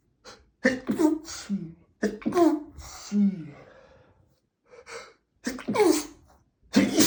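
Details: Male, from 100+ sneezes recorded the same day: several sharp inhaled gasps each followed by an explosive burst, a quick run of about three sneezes; ordinary sneezing.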